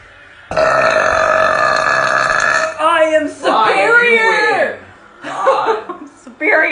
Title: Girl burping #burping #burp